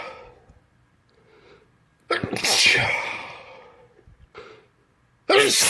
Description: This is just a small handful of the 30 or 40 sneezes i let loose this morning.